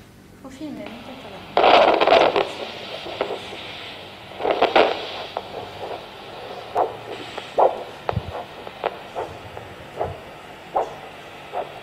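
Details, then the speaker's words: Pocket Doppler over the posterior tibial artery behind the medial malleolus: the cuff is inflated until the arterial signal disappears, then slowly deflated; the returning pulse signal marks posterior tibial pressure (transcribed ~245 mm Hg) for ankle-brachial index screening for lower-limb arterial disease. "je dégonfle lentement la réapparition du signal sonore correspond à la pression de l'artère tibiale postérieure"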